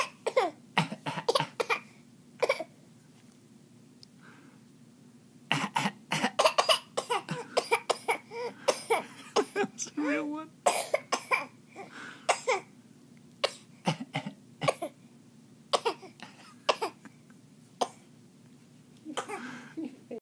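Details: Infant boy, 8 months, fake coughing: repeated short, deliberate cough-like bursts in clusters; voluntary playful cough.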